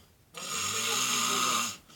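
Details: Person snoring: one sustained, harsh, hissing snore lasting over a second in a quiet room.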